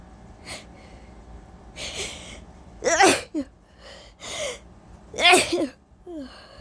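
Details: Sleep-deprived person before a nap, sneezing mostly uncovered: a run of sharp, explosive sneezes with short inward gasps before them, and a cough or two, in a quiet room.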